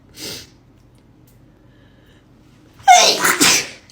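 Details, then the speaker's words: A soft sneeze, a pause, then a loud forceful sneeze run together with another burst; a woman's repeated sneezing fit, which she reports has occurred after brushing her teeth for a year, suspecting toothpaste allergy. "A year ago, I started getting sneezing fits after I brush my teeth."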